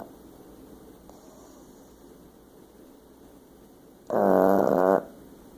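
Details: Snoring: a quiet room, then a single short, loud, rumbling snore about a second long.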